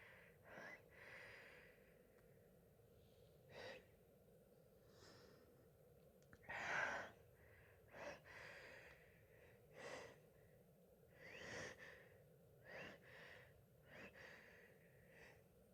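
Repeated short nasal snorts and forceful breathy blows at irregular intervals, with one louder burst; snorting.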